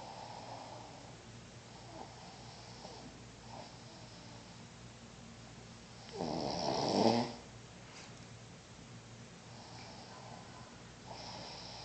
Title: snoring